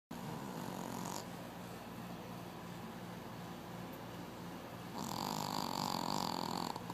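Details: Soft, steady rasping snores with each breath over a continuous low hum of room noise; snoring.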